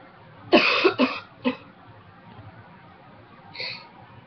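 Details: Dry cough during a cold in a former smoker who quit almost 2 years ago. A burst of three harsh, dry coughs is followed by a softer fourth, with no rattling or wet sound.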